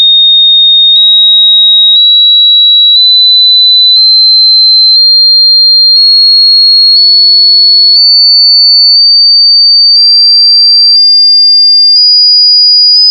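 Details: Hearing test: pure steady tones stepping upward in pitch about once a second; hearing above 15,000 Hz suggests younger ears, high-frequency hearing lost with age.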